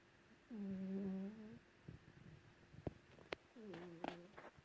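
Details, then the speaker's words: Light, buzzy snores from a sleeping female cat lying under a white blanket, two breaths with faint clicks and rustling between; snoring often audible from another room. "Lulu is snoring, and I'm going to try and capture it."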